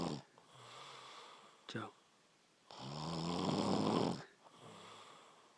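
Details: Brother asleep, who denies snoring: two loud, rough, rattling breaths drawn in during sleep, with quieter breathing between them; snoring.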